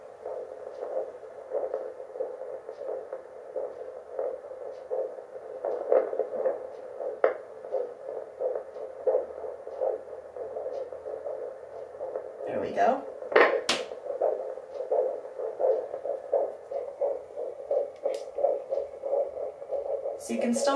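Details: At 10 weeks 2 days of pregnancy, a home fetal Doppler picks up rapid, regular whooshing pulses, with the baby usually found on the right side: a normal early fetal heartbeat.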